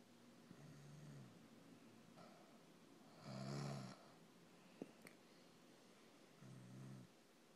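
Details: Low, buzzing snores about every three seconds, one louder than the others, with a brief click between; snoring.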